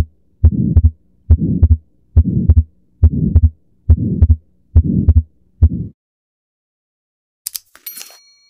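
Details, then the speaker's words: Atrial septal defect heard at Erb's point, stated as third intercostal space at the right sternal border: regular heartbeat about 70 a minute with a soft murmur between beats. "this oscilation point is known as the herbs point and it is best to hear the normal S1 s to sound and the abnormal heart sounds such as S3 and atrial sepal defect"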